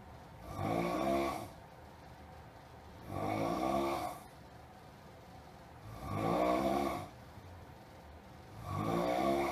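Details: Noisy snoring, so loud the listener cannot sleep: loud, regular rattling snores, about 22 per minute, over steady background hum.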